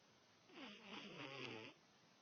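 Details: Single rough, buzzing, rattling breath about a second long; snoring.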